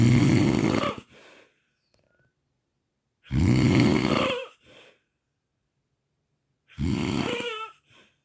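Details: Three loud, rough snores separated by long silent pauses, taken from four nights of recorded sleep; heavy snoring of the kind linked to sleep apnea.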